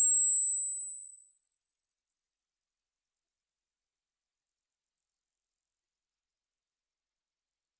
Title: Hearing test